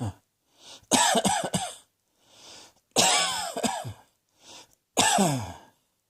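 Three separate bursts of harsh coughing, each a quick run of two or three coughs, with quiet breaths in between. Repeated cough.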